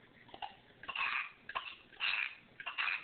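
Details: Person asked to sneeze at snack time: three short, explosive bursts about a second apart, sounding like small coughs or forced sneezes, in a quiet room.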